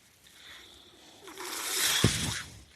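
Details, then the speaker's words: A man speaking on a podcast while on his own mechanical ventilator, whose rhythmic breath-cycle noise can be heard in the background. "That noise you're hearing is my ventilato"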